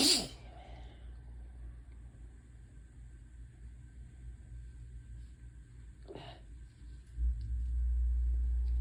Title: Hitchy, teasing sneezes pt. 2 (with another tease at the end! 🙈)